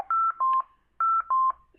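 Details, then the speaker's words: Mechanical ventilator alarm on a simulator in adaptive pressure control mode with vigorous inspiratory drive and high minute ventilation: two repeated pairs of two-tone electronic beeps, then silenced. "I'm going to just silence that alarm real [Music] quick. And I'm going to just change my alarm thresholds here."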